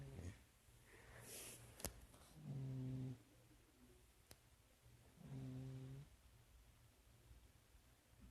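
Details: Soft, low buzzing snores on breaths in, spaced a few seconds apart, against quiet room noise; ordinary sleep snoring.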